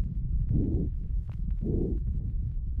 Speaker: El primer paciente es una niña de 10 meses de edad con bronconeumonía, donde se pueden oír crepitantes finos, roncantes gruesos ocasionales, respiración bronquial.